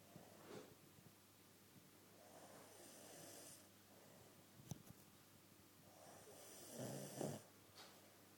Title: snoring..lolzz